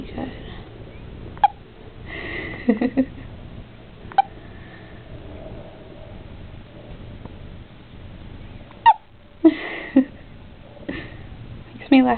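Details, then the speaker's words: Hiccups in newborn boy, with mild jaundice, sunbathing by window: short, sharp hiccups recurring every few seconds in a quiet room, faint soft voicing between them; infant hiccups. "That's the cutest little hiccups. He speaks just like his mom."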